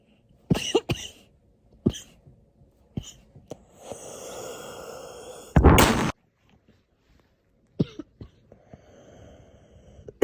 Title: me coughing today